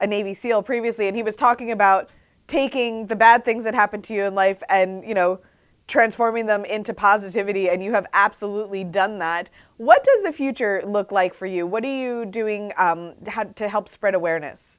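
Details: Adult woman speaking; normal speech.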